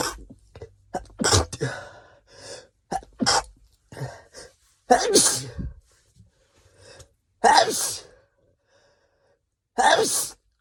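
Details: Series of about five sneezes, some stifled and some full, wet and spraying, with short breaths drawn in between.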